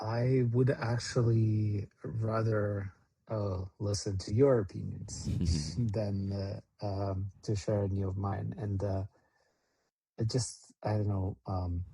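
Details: Adult man speaking; Normal speech.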